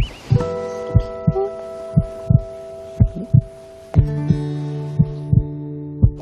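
Soft, regular, paired low thumps at about 60 a minute, with sustained musical tones behind: a baby's heartbeat heard inside the womb.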